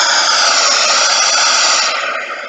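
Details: Pink noise (tinnitus sound therapy).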